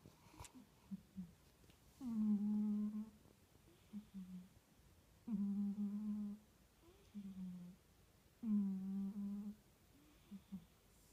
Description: My sweet female cat snoring while sleeping on my suitcase!